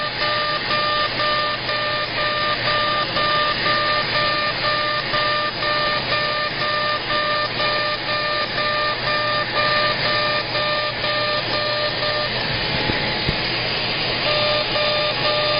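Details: CO2 laser, aggressive facial resurfacing at 100 millijoules and density six during a face lift: steady electronic hum with a regular pulsed beep, about two pulses a second.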